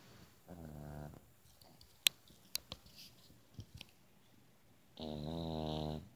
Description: 8 year old yorkie snores